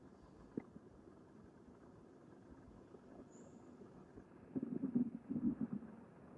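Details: Stomach rumbling (borborygmi) the morning after a stuffing session, recorded without a microphone: a faint low hiss, then a burst of bubbling, gurgling rumbles.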